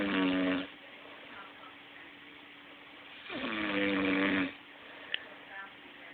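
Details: Man sleeping and snoring: two long, voiced, buzzing snoring breaths, each about a second, separated by quieter exhalation and room hiss.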